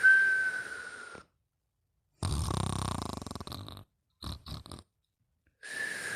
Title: Mimi Snoring and Whistling